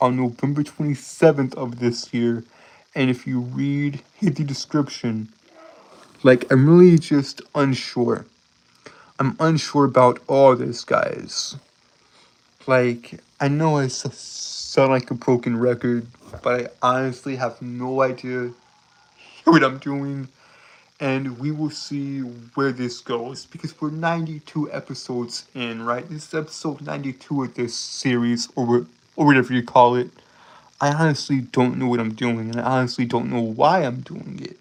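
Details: Adult male streamer with a self-described speech impediment causing stuttering, word and phrase repetitions; stuttering.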